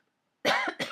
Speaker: i think you can hear other people coughing in the house my eldest son is sick in the other room